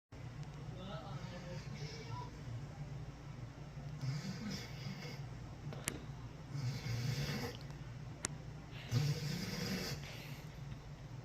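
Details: A rescue dog snores loudly in repeated rough, rattling bursts about every two and a half seconds while asleep; snoring.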